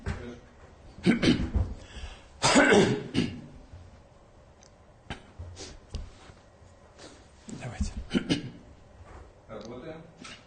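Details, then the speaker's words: Adult man, after speaking at length at an International Women's Day address, gives several short, harsh coughs and throat clears in a quiet indoor room; cough with throat clearing. "Я чуть не не закашлялся. Много говорил очень."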